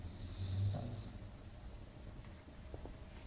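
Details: Sleeping pug: a low, rumbling snore with a brief snort, then quiet breathing in a small room.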